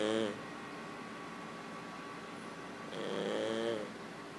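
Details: Two soft, tonal snoring breaths a few seconds apart from a sleeping King Charles Cavalier puppy, quieter than his usual snoring, over quiet room hum; snoring.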